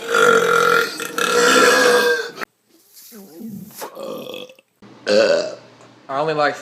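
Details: Several long, loud, voiced belches in a row from a compilation of short clips, with brief talk between them; burping.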